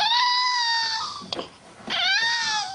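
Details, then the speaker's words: Cri du chat syndrome, a chromosomal anomaly detected hours after birth: the newborn's high-pitched, thin, plaintive, kitten-like mewing cry, the first sign of the disease. "pleurs aiguë plaintif c'est le premier signe de la maladie du tout du chat"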